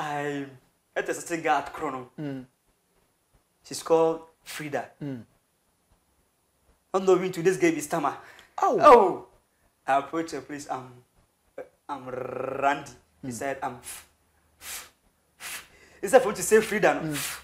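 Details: Adult man who has stammered since birth, with a family history of stammering (grandfather and relatives); describes it as severe, worse on words starting with K or T, and fluent when rapping; stuttering.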